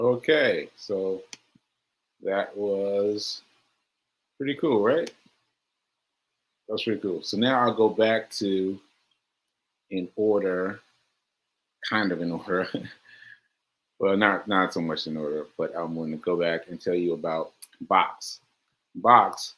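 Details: Aphasia, a language disorder affecting communication, in a male host about six months into recovery since July; he says he experiences it when trying to communicate.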